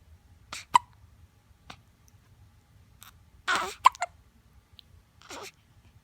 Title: Super cute! More hiccups